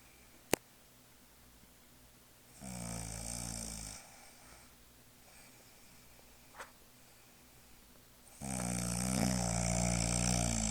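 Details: Two loud, rumbling inhaled snores about six seconds apart from a sleeping mother, with quiet breathing between and faint room clicks; snoring.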